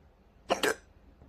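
Two quick, sharp bursts close together, each a short abrupt catch of breath, fitting a hiccup.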